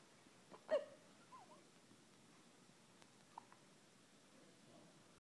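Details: Newborn baby, 5 days old, with hiccups: one sharp, abrupt hiccup and a few faint catches afterward in a quiet room; infant hiccups.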